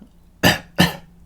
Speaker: Cough, of course, is that noise you make in your throat,